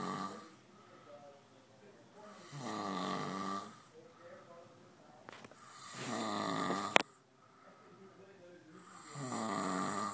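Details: Snoring while being played with: steady snoring about eight breaths a minute, loud rough inhalations and softer exhalations, brief knock partway through.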